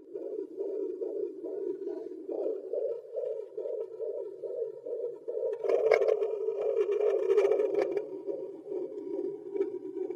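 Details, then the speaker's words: Home fetal Doppler device. Fast, regular whooshing pulses at roughly 130–160 a minute: a fetal heartbeat in the womb on Doppler, in the normal range. "Вы наверное слышали как сердце у ребёнка стучит в животе вот такой же звук надо просто найти найти дома и будете слушать как стучит серд"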